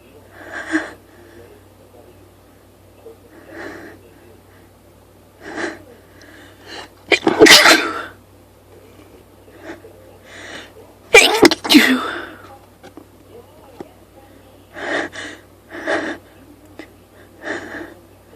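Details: Person sniffly all day with a persistent urge to sneeze, set off by one spritz of perfume: a long run of loud, explosive sneezes in quick succession with short breaths between, part of an 18-sneeze fit; sneezing fit.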